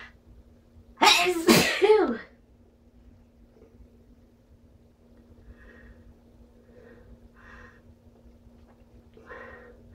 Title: strong sneezes with buildups